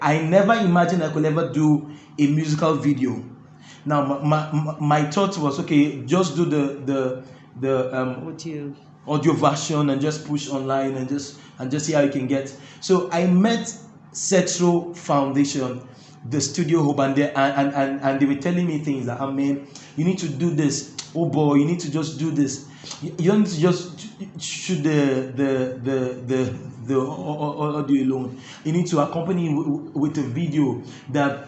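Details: Stuttering (stammering) in an adult male interviewee who says his stammering makes talking difficult, though his singing flows with ease.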